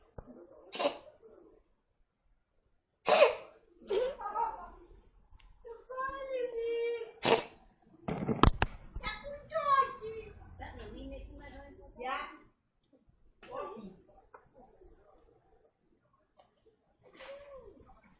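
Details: A cat gives several sharp, forceful hacks with throaty, voiced gagging between them while coughing up a hairball.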